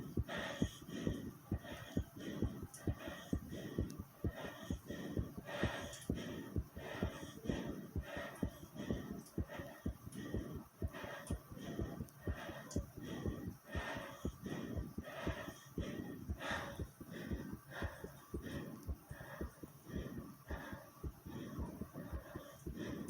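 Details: Own heartbeat recording with stomach growling: rapid, muffled heart thumps with gurgling stomach noises mixed in, fitting a fast heartbeat (tachycardia) with bowel sounds.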